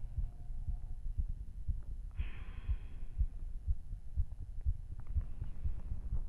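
Deep, steady thumping heartbeat at about 120 beats a minute with faint breathing; fast normal heartbeat after exercise.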